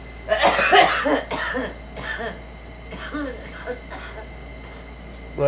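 A child coughs in a burst of several rapid coughs, then quieter trailing coughs with faint room noise.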